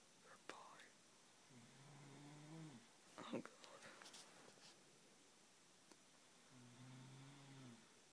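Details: Person snoring, keeping a listener from falling asleep; low buzzing snores on breaths in, with a quiet whisper between them in a still room: snoring.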